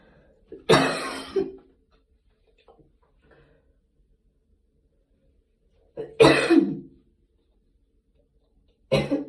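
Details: Three separate harsh single coughs spaced several seconds apart in a quiet room, recorded after a gym workout.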